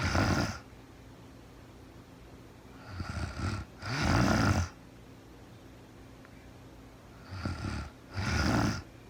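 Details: Adult woman in real-time sleep: rhythmic rattling breaths, each a softer inhaled rumble then a louder flutter, about 14 per minute; snoring.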